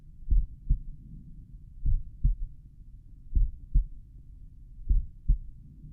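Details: Own heart recorded at the mitral area while lying on the back, slowed playback: four paired low thuds, each a lub followed by a dub, with a soft rumble between.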